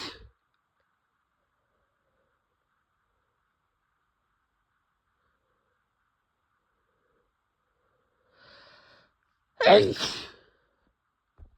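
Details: Female giving repeated messy sneezes.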